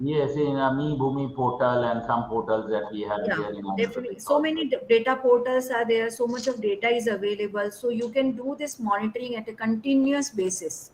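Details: Adult speakers, online lecture discussion; normal speech.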